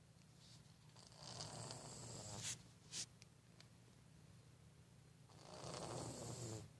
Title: CUTE CAT SNORES LIKE A HUMAN!